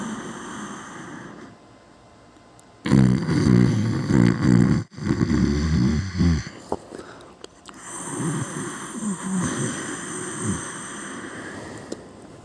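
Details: A very loud, rough, fluttering snore on inhaling, followed by quieter noisy breathing; heavy snoring in a sleeping adult.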